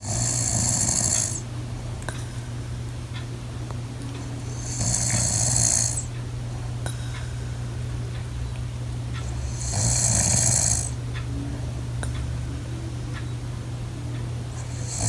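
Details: Adult woman snoring in her sleep, recorded by her husband: regular snoring breaths about every five seconds, roughly 12 a minute, over a low droning background hum.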